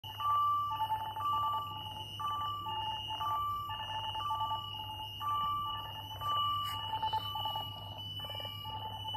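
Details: Alaris GP (CareFusion) infusion pump alarm: repeating two-tone electronic beeps about once a second over steady room hum.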